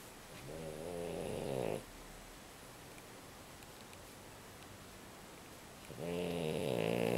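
Rough, fluttering snores on breathing in, with a long quiet gap between breaths, over steady room hiss: snoring.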